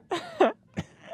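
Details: Man who has belched non-stop for months and seen dozens of doctors: two loud, voiced belches in quick succession, then a brief third burst of repeated belching.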